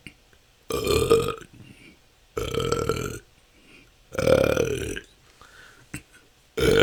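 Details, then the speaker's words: Adult with a years-long struggle of excessive belching lasting up to hours, recorded during a continuous 10-minute natural burping session with a better microphone; three long, loud voiced burps in under seven seconds, with a fourth starting. "that's 10 minutes this can go on for hours this has been my struggle for the last couple of yea"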